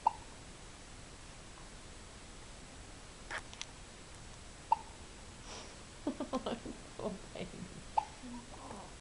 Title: Kimchi-Vegemite baby has the hiccups